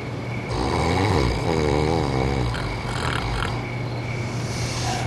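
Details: One loud, rattling inhaled snore with a fluttering, snorting quality over a steady background hum, from a staged mobile-phone advert.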